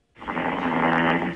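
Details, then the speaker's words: Snore recorded on a phone: a single loud, sustained rattling snore with steady low buzzing through the breath, no pauses; an expert judged it not worrying and saw no clear sign of apnea. "YOU PEOPLE ARE UP LATE AT NIGHT. ANNOYED WITH LOVED ONES WHO SOUND LIKE THIS."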